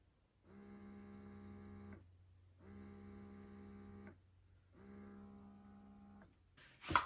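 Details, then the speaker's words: Spectra electric breast pump in massage and expression mode, quieter than the Ameda Mya: humming in three regular suction cycles of about two seconds each, with short pauses, over a steady low hum. "the other thing i wanted to tell you guys is the sound so i actually thought this one wasn't very loud but this one is a lot quieter you can actually just hear it when i turn it on"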